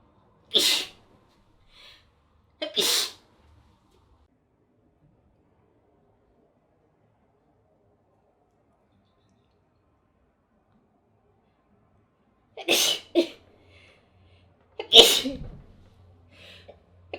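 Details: Adult woman sneezing after trying a powder: four sharp, explosive sneezes in two pairs separated by a long quiet gap.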